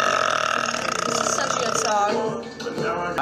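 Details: Girl burping in a TikTok compilation clip: a long, loud, voiced burp drawn out for about two seconds, with music in the background; burp.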